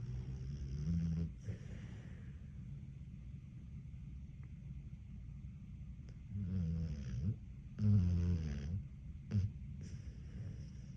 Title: Barely 1yr, snores like he’s 90. #puppy #pitbull #canada